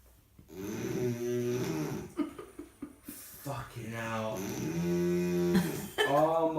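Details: Woman snoring: loud, deep, droning snores with a moaning, almost lowing tone, likened to a cow, with people laughing and talking in the background.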